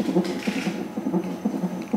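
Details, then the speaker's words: Rapid, regular whooshing pulses from a fetal heart monitor over faint room noise, with the mother in hospital in labour, cervix about 5 cm dilated: fetal heartbeat during labour, normal. "Bu duyduğunuz aşkın kalp sesleri. Bak. Kurban olurum ya."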